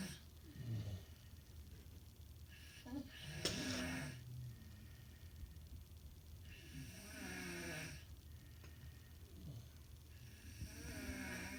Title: SNORING VIDEO PART 2!! | LISTEN IN FULL VOLUME